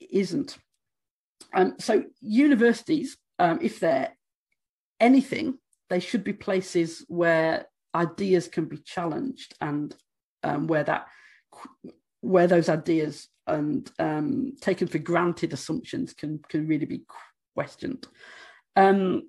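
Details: Adult woman who states she stammers, speaking during a conference presentation; stammering.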